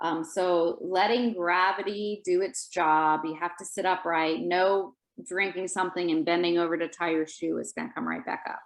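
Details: Adult woman speaking; Typical adult speech.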